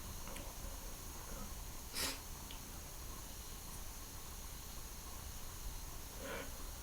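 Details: Two brief, partly stifled sneeze bursts over steady room hiss: sneezing, some let out and some stifled.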